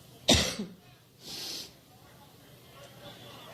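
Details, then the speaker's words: A single loud, harsh cough burst, then a fainter breathy exhale, from a woman during a prolonged coughing fit in her Labor Day speech in Cleveland, Ohio, which she attributed to an allergic reaction; cough in a large room. "Now, once I get over my allergic reaction, let me say that we're here in part because we know how important this election is to Ohio."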